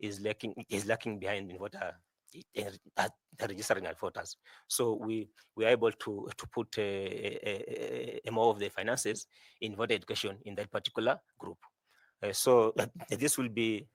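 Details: 41-year-old male who says he stammers a lot, speaking in a selection panel interview; stuttering.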